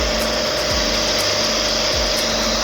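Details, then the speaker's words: Steady loud hissing of pressurised gas with faint hum, rising in pitch, from a Medin CNO infant CPAP device running its pressure calibration with the MediJet tip occluded by a thumb until 100%, before oxygen calibration. "Suara desis semakin tinggi. Setelah 100% kita bisa lepas. Dan dia akan melakukan kalibrasi terhadap oksigen."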